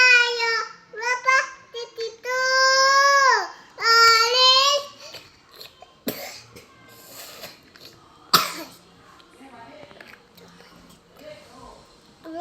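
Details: A young girl sings a children's counting song in a high voice, then breaks off into a few coughs amid quieter room sounds.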